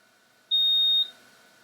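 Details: A single steady high-pitched electronic beep of about half a second from a dental curing light curing pickup material during an intraoral direct locator pickup for an implant overdenture; a normal operating signal.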